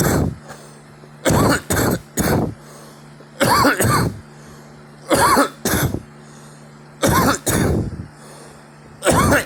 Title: me coughing